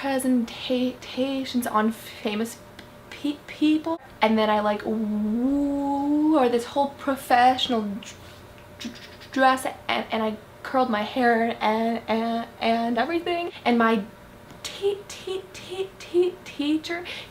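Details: Female speaker who stutters; stuttering.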